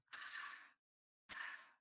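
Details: Two harsh, blowing breath sounds imitated by mouth, mimicking the tubular bronchial breathing heard at the level of lung consolidation, over the area of maximal dullness to percussion.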